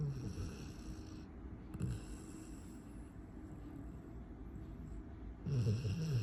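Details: Golden retriever puppy asleep during a nap, snoring: low, fluttering snores with soft snorts over steady breathing.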